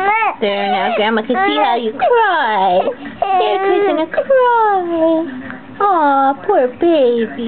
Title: crying